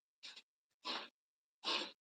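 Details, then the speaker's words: Three short, harsh, airy coughing bursts about a second apart from a dog, faint in a quiet room: dog cough. "oh my goodness dud this dog can you hear the dog coughing yes yes oh okay good come here come on"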